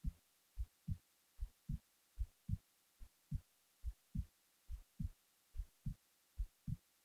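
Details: Resting heartbeat recorded while the person was falling asleep: steady, low, paired thumps at about 73 beats a minute against a quiet background.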